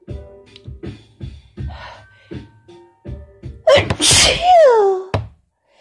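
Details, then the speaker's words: Strong sneezing fit from leftover cold plus allergies, with a lingering nasal tickle: several sharp breath catches build to one forceful voiced sneeze with a trailing cry, then a sniff; sneezing. "Oh, fucking sneezing fits. Oh God. Now it's teasing. Teasing tickle."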